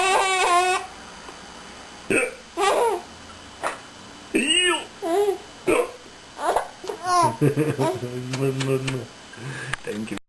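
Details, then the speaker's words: Female with hiccups: repeated short, abrupt voiced catches, several over ten seconds, mixed with giggly vocal sounds. "Hiccups, eh? Yeah."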